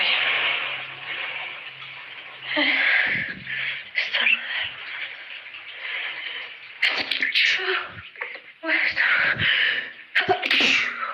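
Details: Several sharp sneeze bursts with breathy inhalations between them, from an adult with a cold who deliberately triggered them: sneezing.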